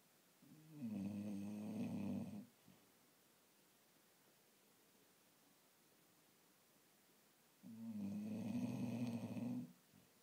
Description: Cutesy bulldog in the world snoring